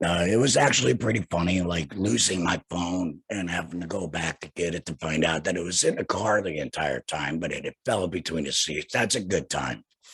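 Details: Man who had a total laryngectomy in 2020 and speaks without a larynx; he says his speaking method is the only sign of his surgery; alaryngeal speech after total laryngectomy.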